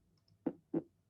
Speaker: that's a normal heart sound right that's that's a pretty normal like lub-dub and you're hearing the valves slamming shut basically